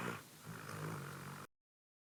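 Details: Ordinary snoring from a dog sleeping comfortably at night: a single low, rattling snore lasting about a second and a half.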